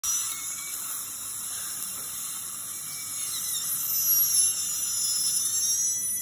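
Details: Surgical removal of a wisdom tooth (third molar) at a dental clinic: the steady, high-pitched whine of a dental drill with faint room noise.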